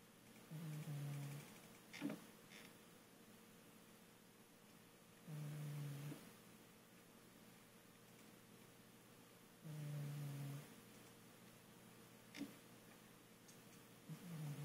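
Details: Close-up recording of a hefty male cat snoring, with low, buzzy rattles on each in-breath, about 13 breaths a minute.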